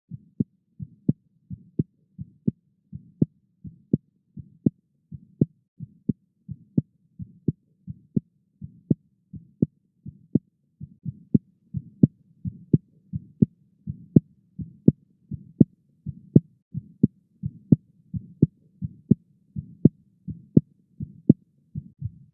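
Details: Korotkoff sounds under a blood pressure cuff: regular sharp tapping pulses about 85 a minute, heard between systolic and diastolic cuff pressures as turbulent flow through a partially constricted artery.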